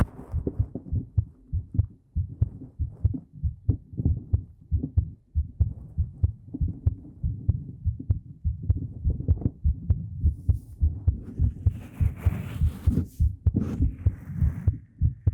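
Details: ASMR heartbeat recorded with a 3Dio Pro binaural microphone: a steady, low, close-up thumping at about 100 beats a minute, with faint soft sounds near the end. A normal heartbeat.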